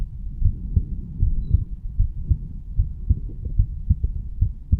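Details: Heartbeat of a 35-year-old man, standing, recorded over the bicuspid (mitral) valve area: steady low lub-dub at about 75 beats a minute with a faint hum; normal heart sounds.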